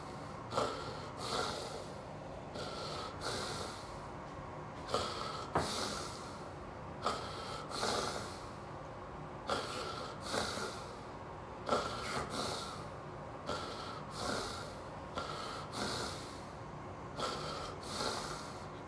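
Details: Adult man (Dan) during a generalized tonic-clonic (grand mal) seizure preceded by déjà vu aura, kept on his side: loud, regular snoring, snorting breaths, about 25 a minute, with gasping catches; stertorous breathing.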